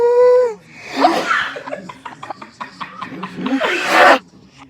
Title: The Sneeze that Never Ends Might Confuse You